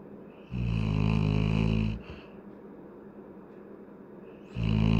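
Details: Adult Labrador dog snoring while sleeping: loud, deep rumbling snores with a quiet pause between them.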